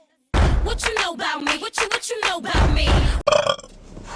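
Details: A plain burp: one long, loud, gurgling belch lasting nearly three seconds, then a brief noisy tail.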